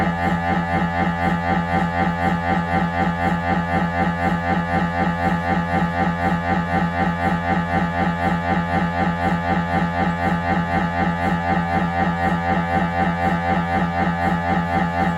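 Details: Loud, steady droning hum pulsing about four times a second: normal MRI scanner noise during a routine head examination on a Siemens Magnetom Avanto 1.5T, as heard by the patient on the table.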